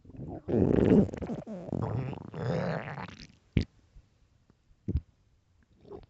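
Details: 9 minutes of loud stomach growling from hunger: low gurgling rumbles with bubbling, then a few short squelches and quiet gaps; borborygmi, a normal bowel sound.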